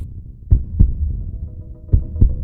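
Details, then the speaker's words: Deep paired thumps, two beats over about 2.4 seconds with a steady hum beneath; a heartbeat used as a sound effect. "Так лунає звук серця із лютого наші серця та руки б'ються в єдиній силі проти російського ворога"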